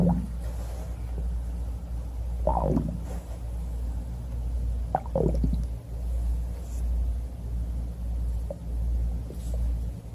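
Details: Bubbly stomach growling: low, bubbly gurgles and gliding rumbles at irregular intervals over a steady low hum; normal borborygmi.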